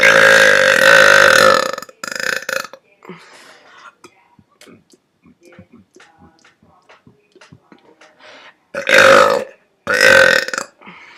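Several long, loud, rumbling belches with quieter sounds between them; forceful burping.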